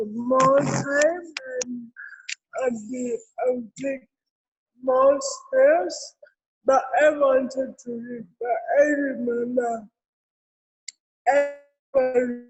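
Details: Adult woman with cerebral palsy present since birth; dysarthria associated with cerebral palsy.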